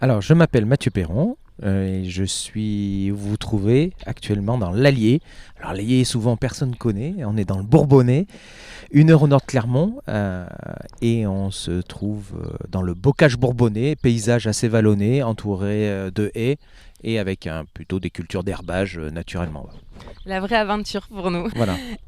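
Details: Adult man speaking French; normal speech.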